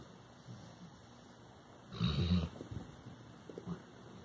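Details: Labrador Retriever dog sleeping: one low rumbling, snorting breath over a quiet room background; snoring.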